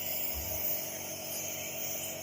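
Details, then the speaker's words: Compressor nebulizer running while "Tiger", who has fever, cold, cough and chest congestion, takes steam through a mask on a doctor's 5-day course: steady mechanical hum with a constant airy hiss. "आवाज येतोय ना मशीनचा तुम्हाला हे बघा हे machine चालू आहे"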